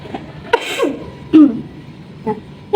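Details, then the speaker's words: Voluntary coughs demonstrated by a nursing student to show correct cough etiquette into the inner elbow: a few short, muffled coughs. "bagaimana cara batuk yang benar yang pertama adalah menggunakan siku bagian dalam caranya begini ya"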